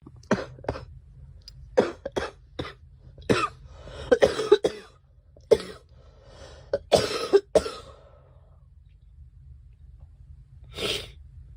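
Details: A run of short, sharp coughs in quick clusters, then a breathy throat-clearing; a deliberately performed cough by a girl.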